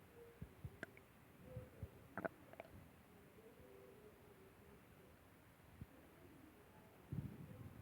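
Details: Woman's stomach growling during her period, as she says it always does: low gurgling rumbles and a few squeaky pops from the belly, with quiet gaps; ordinary borborygmi.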